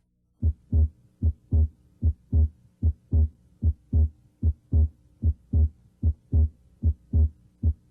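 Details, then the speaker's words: Stethoscope bell at the apex (mitral area): regular paired low thumps at about 75 beats a minute, S1 louder than S2, with quiet pauses between: normal heart sounds. "here at the mitral area s1 is usually louder than s2 it comes from closure of the mitral valve"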